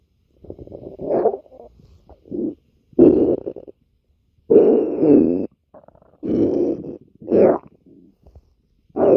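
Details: Female stomach growling: irregular low gurgling and rumbling bursts separated by short quiet gaps, ordinary borborygmi from gas and fluid moving through the gut.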